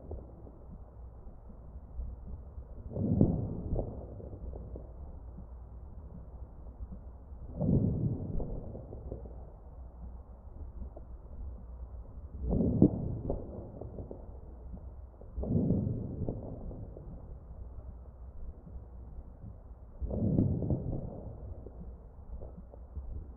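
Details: Crackles in chest auscultation of a real ventilated patient.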